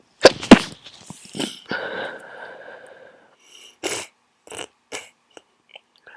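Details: Two sharp sneezes followed by sniffling and snuffly nasal breaths; sneezing from an adult's own head cold.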